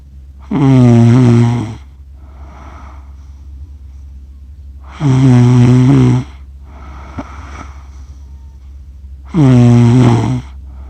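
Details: Person accidentally recorded while asleep, snoring for 47 minutes and describing their snoring as funny: loud, low, rattling snores on each in-breath about every four seconds, with quieter out-breaths between.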